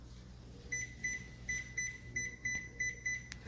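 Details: Rapid, repeating high electronic beeps from a defibrillator monitor connected to a training simulator: an alarm as a simulated, previously stable patient suddenly deteriorates, during an automatic-analysis defibrillator demonstration.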